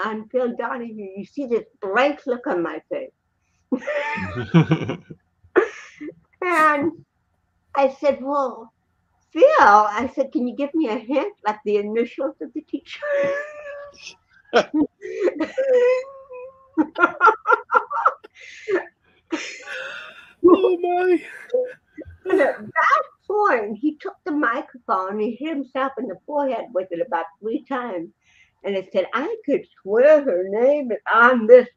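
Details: Real interview speech of an adult woman, an actress and comedian, with cerebral palsy since birth (born 1956); dysarthria (cerebral palsy).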